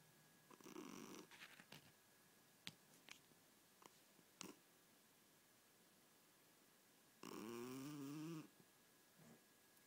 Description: cat snores in sleep and does funny twitch halfway thru video - must watch!